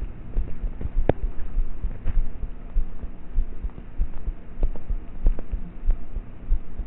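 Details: Own heartbeat of a roughly thirteen-year-old, recorded at night in bed with a cheap MP3 player microphone: faint, muffled thumps at about 95 per minute under hiss and rubbing; normal heart sounds.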